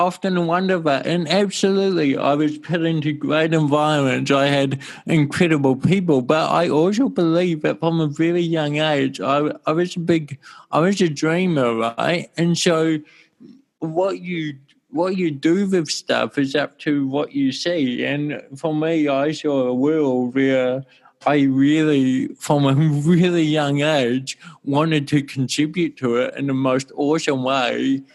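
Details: Dysarthria from congenital cerebral palsy in an adult male born in 1984, with walking also affected, who had daily speech therapy for his first seven years.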